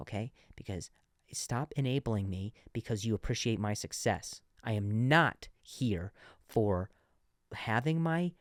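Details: Adult man who has stuttered since earlier in life, still sometimes stutters though less than before, and has worked with a speech therapist; stuttering.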